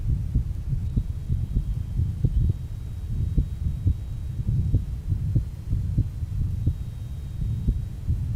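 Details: 1955 Johns Hopkins heart sound laboratory recording at the aortic area, rheumatic heart disease: muffled heartbeats with a continuous low rumbling murmur from mitral stenosis with mitral regurgitation (insufficiency).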